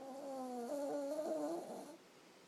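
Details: A Yorkie with COPD snoring while sleeping on a purse: a single high, whistling, tonal snore that fades at the end, a nasal or soft-palate snore.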